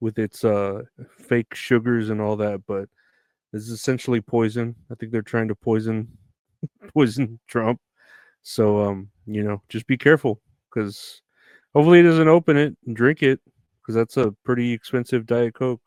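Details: Adult man speaking; normal speech.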